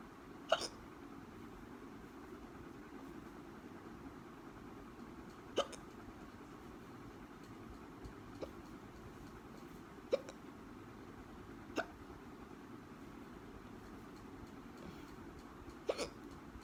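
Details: Hiccups: six sharp, brief gulping hiccups at irregular intervals, roughly one every few seconds, over quiet room noise.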